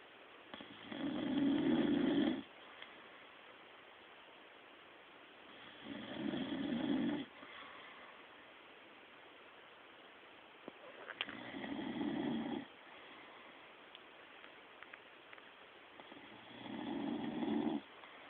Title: RONCANDO